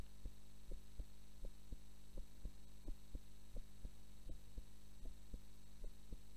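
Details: Normal resting heart sounds recorded for a 3rd anniversary from someone who fell asleep during the recording: steady paired lub-dub thumps at about 80 a minute over a constant low electrical hum.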